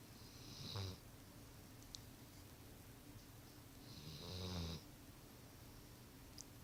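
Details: Recorded 2013: two soft, low rumbling snores on inhalation about four seconds apart with a faint hiss, over quiet room noise; ordinary snoring.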